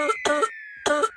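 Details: Acted cough, a man coughing while stealing, blamed on smoking bidis, in a comedy skit: three short, harsh bursts in quick succession over a faint steady tone.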